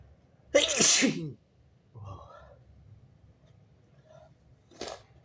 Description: strong, wet, big and stifled messy sneezes + showing snot